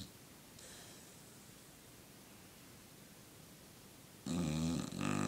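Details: Male dog napping, heavily snoring and twitching, which he does all the time: quiet room, then a loud rattling, rumbling breath near the end; snoring.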